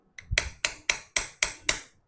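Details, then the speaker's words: Arthroscopic marrow-stimulation surgery on the medial femoral condyle, live workshop: six sharp, evenly spaced metallic taps as a mallet drives an awl into subchondral bone, making equidistant holes that expose marrow for healing. "So this hole exposes the subcondral marrow. So we'll have multiple holes like this at equidistant sides. Hammer please."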